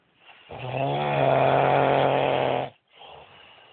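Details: A husband snoring badly: one long, loud, fluttering snore lasting about two seconds, followed by a quieter breath out; snoring.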